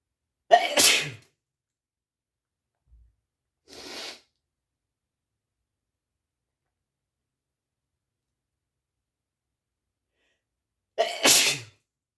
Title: achoo sneezes (m)